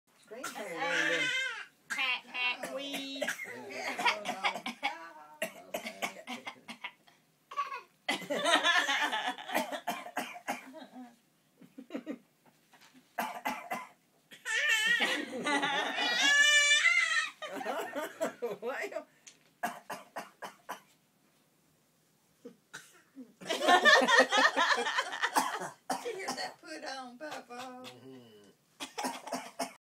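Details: A young child, taught by an uncle to fake illness for attention, makes repeated short voiced deliberate coughs mixed with vocal sounds and giggles; voluntary (fake) cough.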